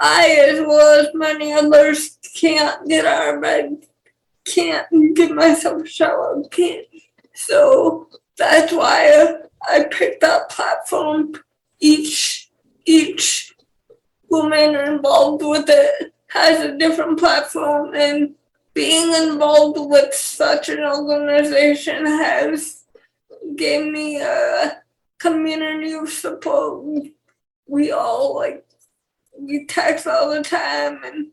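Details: 28-year-old woman with cerebral palsy who has dysarthria.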